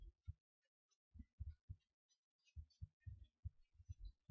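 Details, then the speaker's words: Stethoscope on a male patient's abdomen, starting in the right lower quadrant and moving through all four quadrants: irregular low gurgles and soft thuds. Normal active bowel sounds in all quadrants. "And there are active bowel sounds in all quadrants. I would listen for about a full minute for all of them, and up to 5 minutes if bowel sounds are hypoactive."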